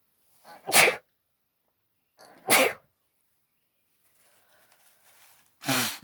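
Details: Three forceful sneezes, each preceded by a short in-breath, with nose blowing between; an allergic sneezing fit.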